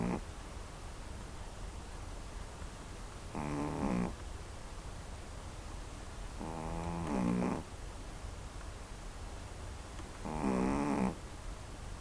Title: Can u stand 1 minute of Coco Snoring